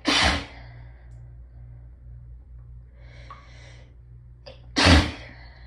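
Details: Two loud sneezes separated by hitching breaths over a low hum; desperate, hitchy hayfever sneezes, nose raw from rubbing; repeated allergic sneezing.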